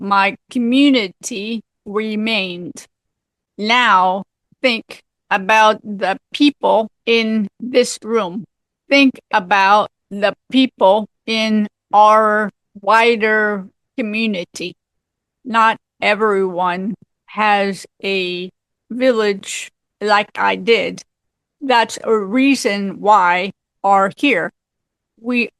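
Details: Aphasia in an adult woman, 18 years after a severe stroke at age 44 that also left apraxia; chronic post-stroke aphasia.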